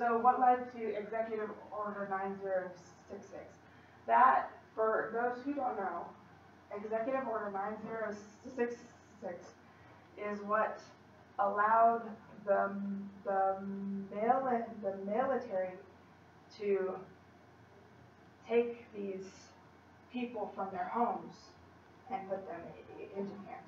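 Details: Female college student who stutters, in speech-language therapy with a fluency technique, giving a practice presentation to 10-15 people at her clinic; she stutters more before unfamiliar people or large audiences; stuttering.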